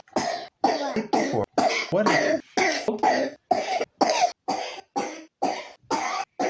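A young child gives a rapid run of about thirteen short, harsh coughs in quick succession, a repetitive cough from pneumonia.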